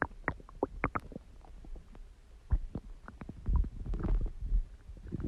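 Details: Stomach growling: gurgling, bubbling rumbles and squeaks from the belly as gas and fluid move through the gut.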